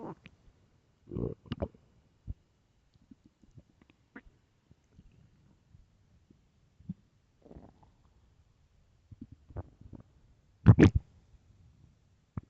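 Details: Extremely loud morning stomach growls: low gurgling and rumbling bursts separated by quiet pauses, with one louder growl near the end; ordinary borborygmi.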